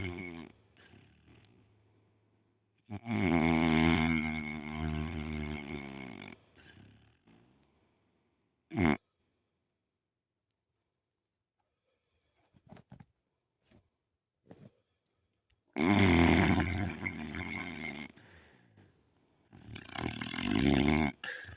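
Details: Pit bull dog snoring while asleep: loud, rough, rumbling snores in long bursts separated by quiet pauses and short snorts.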